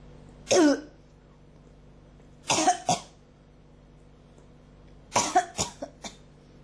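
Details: Three bouts of dry-sounding coughs, single then in runs of two and four, with low room hum between; persistent cough that won't stop, with throat irritation.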